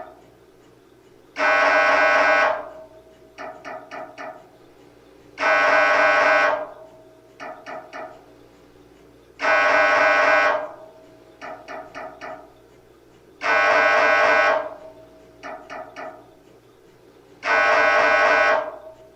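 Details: MRI scanner sample sound for patient preparation: loud buzzing tones about every four seconds alternating with short bursts of rapid knocking; typical imaging pulse pattern.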